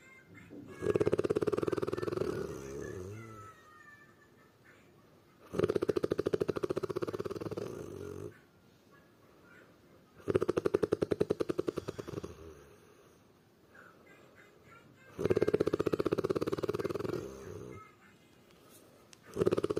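Loud, fluttering snores recur with each breath, about 13 a minute, separated by quiet exhalations.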